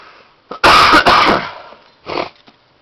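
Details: Adult with lung scarring, persistent cough despite medication meant to ease the swelling: three harsh coughs, the first two run together loudly, then a smaller one.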